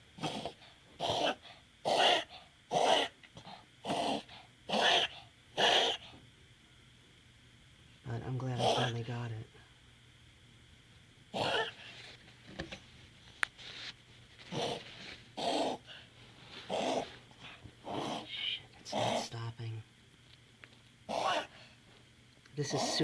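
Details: Dog back from an operation, wearing a post-surgical t-shirt, in an unusually long coughing fit: a prolonged bout of repeated harsh coughs with a honking gasp midway.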